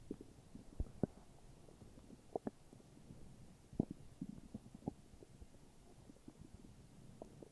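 Quiet scattered gurgles, squeaks and pops against a hushed background: soft stomach growling from normal gut activity.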